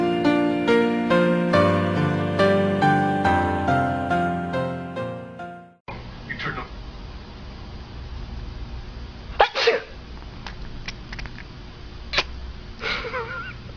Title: Jupiter the cat, again, sneeze, he says bless you...,good